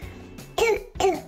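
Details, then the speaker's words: Croup barking cough: two harsh, barking coughs from a 2-year-old boy who woke at night with croup, which causes swelling of the trachea and makes breathing hard. "this is CW it causes swelling in the air tube or the trachea you can see it there it makes it hard for them to breathe and makes that sound"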